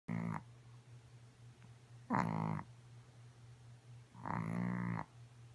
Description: Our chihuahua Godiva snoring loud like she usually does.